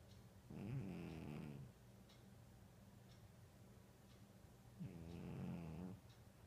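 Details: A sleeping cat snoring: two low, fluttering snores about four seconds apart, with quiet breathing between them.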